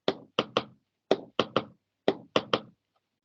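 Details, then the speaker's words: Tapped imitation in a cardiology lecture: first sound, second sound, then a quick mitral opening snap mimicking a split second sound, about 60 a minute; opening snap precedes mid-diastolic rumble. "o puede verse a un chasquido de abertura que simula un desdoblamiento del segundo ruido por esto que Les acabo de mencionar primero ruido segundo ruido y el chasquido primer segundo y chasquido"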